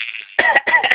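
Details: Baby in a crib, early morning after a diaper change: soft breathy lead-in, then two short voiced cough bursts in quick succession in a small room; baby laughs at coughs.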